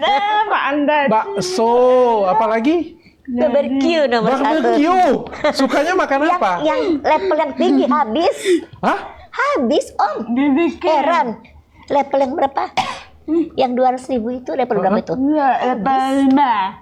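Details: Adult woman speaking Indonesian; normal speech.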